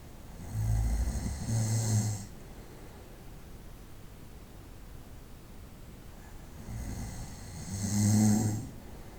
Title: Ronquidos por la noche-Snoring at night sound